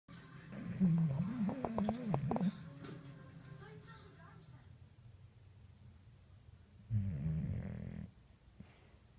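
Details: Low, snuffling, fluttering snorts on inhaled breaths with a long quiet pause between, from a sleeping bulldog; snoring.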